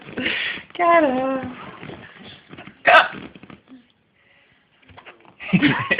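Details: Hiccups from a baby.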